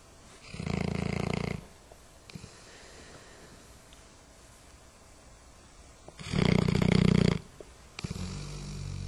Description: dog snoring